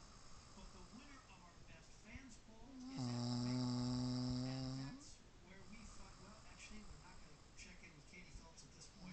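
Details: Adult woman (mother) snoring during sleep, recorded on an iPhone: one long, buzzing, tonal snore about two seconds over quiet room noise.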